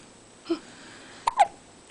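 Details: Six-day-old baby girl, asleep after a big feed, hiccupping: two or three soft, brief voiced catches in a quiet room.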